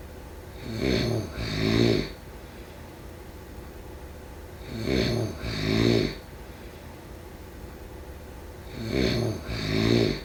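Loud rattling snores on each breath in, about 15 a minute, each in two parts, with quiet pauses between: snoring during sleep.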